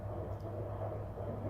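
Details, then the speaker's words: Fetal heartbeat on Doppler at 11 weeks of pregnancy, checked after a fall and fainting at week 10: rapid, muffled whooshing pulses in steady low hiss; baby fine. "so i got to hear the heartbeat on the fetal doppler so i will insert a clip of that"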